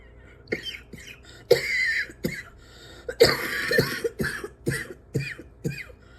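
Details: Adult coughing repeatedly and persistently, reporting they can't breathe without coughing; cough.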